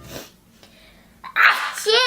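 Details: A person sneezing once: a quiet lead-in, then a sudden loud burst of breath and voice.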